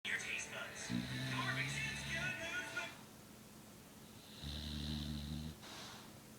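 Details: American Bulldog snoring: two low, buzzing snores about three seconds apart, with television speech and music in the background.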